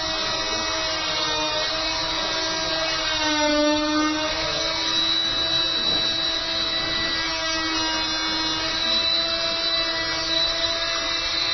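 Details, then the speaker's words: Steady high-pitched whining buzz of an oscillating cast saw cutting a rigid plaster cast with an up-and-down (not back-and-forth) motion; the limb is protected by padding, and the cutting is painless. "donc vraiment rassurer le ça fait très peur une scie à plat mais ça fait pas mal du tout vous voyez que le mouvement n'est pas un mouvement de va-et-vient d'un mouvement de haut en bas"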